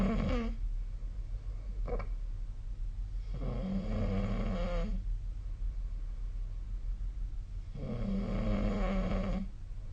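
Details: Sleep snoring: low buzzing, rattling snores about every four seconds over a steady background hum.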